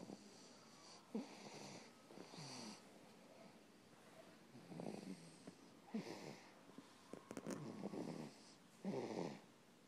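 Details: Soft, rough snores with each breath in, about five in ten seconds; ordinary snoring.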